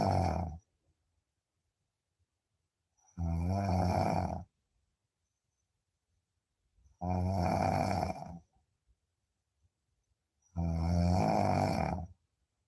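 Loud, rumbling snores about every 3.5 seconds, roughly 16 a minute, with silence between; ordinary heavy snoring in deep sleep.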